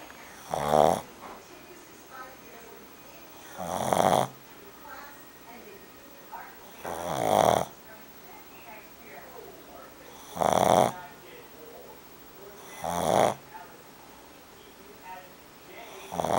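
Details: Pug snoring loudly in sleep: loud, rasping snores about every three seconds, roughly 18 breaths a minute, with quieter breathing between.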